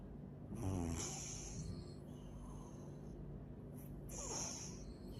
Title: snoring day